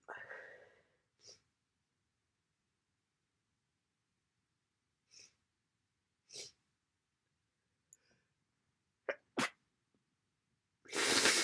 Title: Congested cold sneezing.